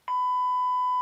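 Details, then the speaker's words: AED3 defibrillator in adult mode on a training mannequin, after analyzing and advising a shock: a single steady beep lasting about a second, the alert tone. "it goes straight into analyze mode don't touch patient analyzing shock advised"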